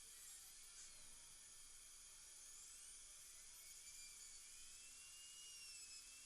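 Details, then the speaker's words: Continuous high-pitched whine of a dental handpiece, with slight pitch shifts, trimming a serrated hand instrument narrower to slip into a Keystone Prima implant for broken screw fragment retrieval. "okay so what I'm going to do is just narrow the diameter of this if I can slip it in there"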